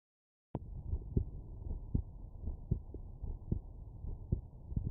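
Regular low lub-dub heartbeats, about 78 a minute, with a steady low hum beneath; normal heart sounds on auscultation.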